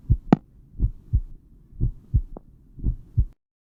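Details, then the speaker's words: Steady lub-dub heart sounds at about 58 beats a minute, with only two sounds repeating per beat, used in a physiology lecture: normal first and second heart sounds (S1 and S2). "وزي ما سمعنا كده تقريبا مفيش غير صوتين هما اللي بيتكرروا معايا طول الوقت، لب دب لب دب لب دب، بهذا الشكل الإيقاع ده مستمر معايا."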